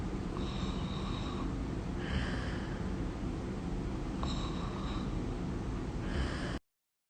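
Rough snorting breaths repeat in a slow sleep rhythm over steady low room noise; snoring.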